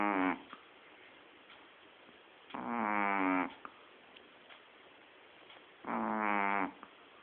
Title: Shih Tzu snoring - Puffy